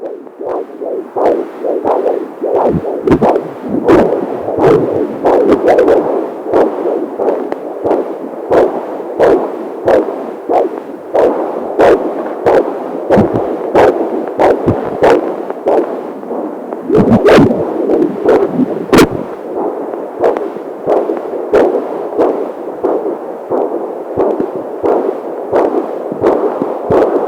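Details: Fetal heartbeat on a Doppler monitor: rapid, rhythmic whooshing pulses with sharp clicks.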